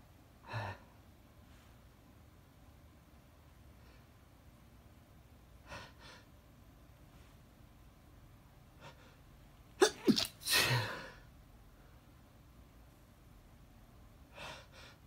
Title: Just some sneezes 🤧😮‍💨 (male)